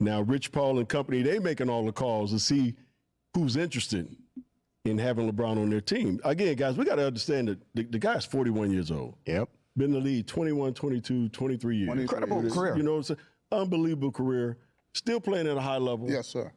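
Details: Adult male speaker; normal voice.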